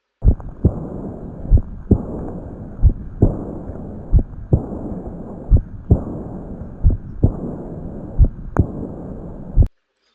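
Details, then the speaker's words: Aortic regurgitation teaching example with a bounding pulse: slow, regular heart sounds with a soft blowing decrescendo diastolic murmur after the second sound. "This is an AR. This is the sound of an AR. Decrescendo diastolic murmur. Here again. Diastolic decrescendo murmur."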